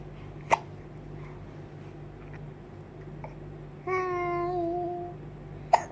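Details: Hiccups in a young girl (Hannah): two sharp, abrupt catches about five seconds apart with a brief voiced whine between them, in a quiet room.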